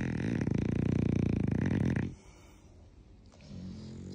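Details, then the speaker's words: A French bulldog puppy snoring while asleep next to its owner in the early morning: a loud, coarse, rattling snore with a fluttering vibration for about two seconds, then quiet breathing. "Ещё одна достопримечательность и особенность французского бульдога. Вот такой храпон."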